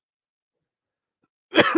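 Silence, then one harsh, congested cough burst at the very end, fitting a cough with a cold and sinus drainage.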